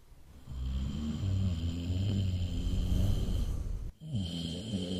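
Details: Animated/cartoon character snoring loudly while asleep; loud, continuous low rumbling snore with a faint steady tone behind it, then a brief break and a second snore; snoring.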